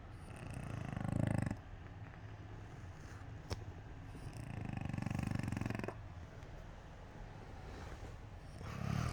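Low rumbling snores from a sleeping cat, rising and fading with each slow breath over a constant noisy hum.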